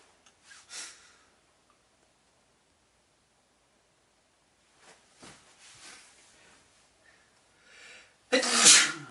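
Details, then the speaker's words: Sneeze: breathy lead-in breaths building to one loud, explosive sneeze at the end. "just sneeze through you, spray through you."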